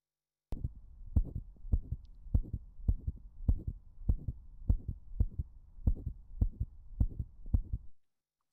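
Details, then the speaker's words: Stiff ventricle: regular low heart sounds in a three-beat galloping rhythm, about 100 a minute, an S4 gallop. "It's called a gallop because it literally sounds like a horse galloping. So I'll play the S3 first. And then the S4."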